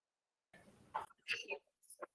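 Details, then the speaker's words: Adult man sneezing during a lecture in a small room: an indrawn, voiced build-up followed by sharp, hissing sneeze bursts. "all right, I think you can hear me there, so I'm sneezing."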